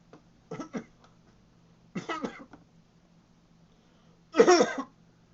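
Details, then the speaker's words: 23-month-old toddler playfully copying a cough, not truly coughing: three short, silly cough-like bursts; imitated cough. "he's going to be a cough cough noise expert uhoh he's being silly okay you little coughing King"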